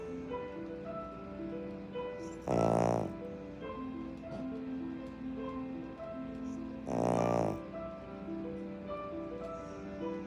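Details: Sleeping pet dog: two loud snores, each about half a second long, over gentle piano music playing Interstellar; dog snoring.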